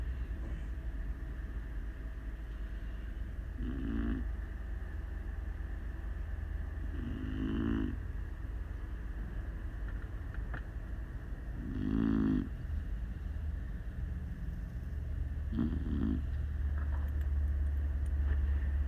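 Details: Sleeping Beagle snoring loudly, four rough snoring breaths about every four seconds, roughly 15 a minute, over steady low rumbling background noise.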